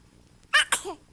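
A single soft sneeze: a quick intake then a short burst of air with a light voiced tail.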